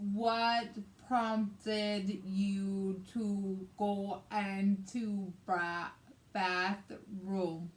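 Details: Woman with aphasia after a hemorrhagic stroke on May 19, 2020, with right-sided hemiparesis and brain surgery; aphasia also affects her reading and writing; aphasia.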